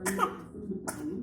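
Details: A young child deliberately acts out a cough to ask for snacks: two short, playful cough-like bursts, a voluntary fake cough rather than illness.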